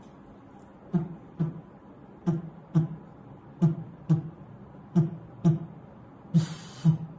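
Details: Pansystolic murmur, cardiology auscultation teaching demo: four normal cycles then the murmur added from the fifth beat, a plateau of constant intensity from first to second heart sound.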